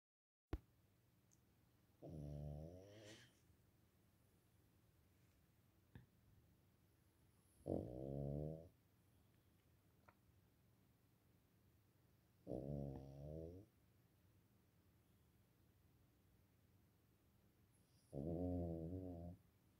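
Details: A 12-year-old mixed Pekingese/Tibetan Spaniel dog sleeping on his bed gives loud, rumbling snores with quiet pauses between them, about 11 breaths a minute; snoring.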